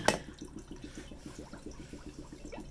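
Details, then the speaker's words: Steady rapid bubbling of air escaping through a water column during exhalation as the PEEP valve of a PVC hardware-store ventilator prototype is opened, holding pressure around 8 cm water; simulated, no patient. "so we just turn this peep valve open everything escapes through there and"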